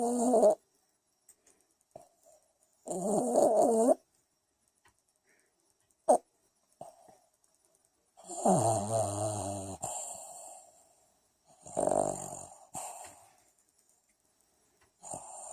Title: Macho the Rat Terrier Snoring